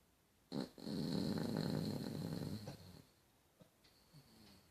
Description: My doggy snoring